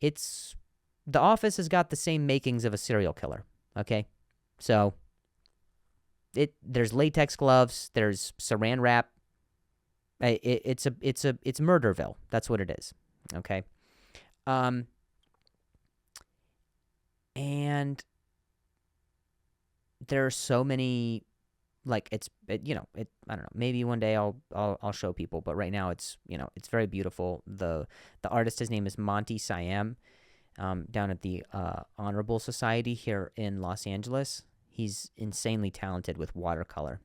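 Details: Adult man who stutters and says he has a difficult time saying certain words on some days; stuttering.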